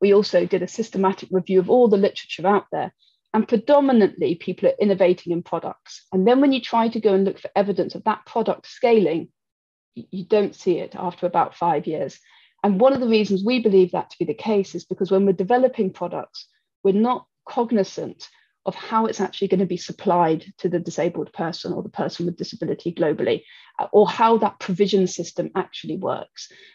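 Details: Adult woman; typical speech.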